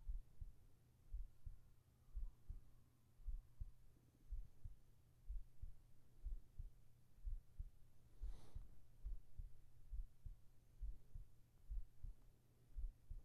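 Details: Calm resting heartbeat in a whispered sleep ASMR recording: slow, steady low double thumps near 60 a minute under a soft hum; normal heartbeat.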